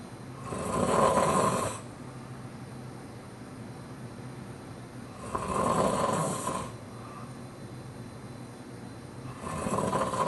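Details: Loud snoring after a hectic weekend of a show, games and activities: three loud, rough, fluttering snores on the breath in, about 14 a minute, with quiet gaps between.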